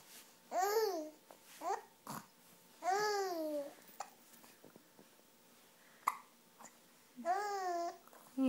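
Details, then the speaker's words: Young child hiccuping while babbling and trying to talk: short, sharp vocal catches between babbling sounds, fitting hiccups. "oh no not the hiups yeah oh no not the hickups can you say m m oh not every time you try dog you hick up"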